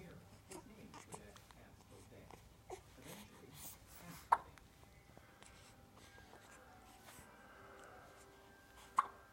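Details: Hiccups: two sharp, brief catches in the breath about five seconds apart in a quiet room.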